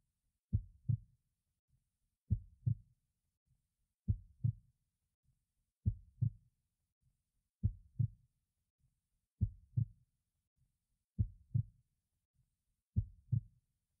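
Slow, regular paired heart thumps, about 34 beats a minute, with a quiet background.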